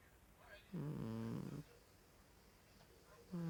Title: Funny Snoring cat(tonner)